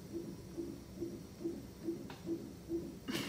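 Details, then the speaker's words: Fetal heartbeat on a monitor while the mother is hooked up in labor awaiting delivery: rapid, regular whooshing thumps, about 140 beats a minute. "I can hear the baby's heartbeat y'all hear it"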